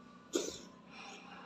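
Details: A cat gives a single short, harsh cough burst, then quiet room noise; the owner wonders whether it is cat asthma.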